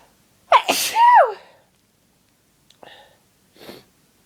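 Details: Adult with a cold having fits of loud sneezes: a sharp inhalation and a loud, strong voiced sneeze, followed by two faint breaths.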